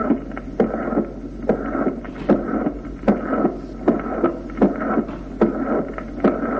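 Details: Mitral valve prolapse: regular heartbeat at about 75 per minute with a fading whooshing murmur in mid-systole after the first sound, a decrescendo midsystolic murmur.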